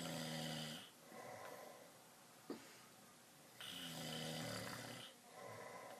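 Loud, rattling snores on the in-breath, two full cycles with quieter breathing between, in a quiet room.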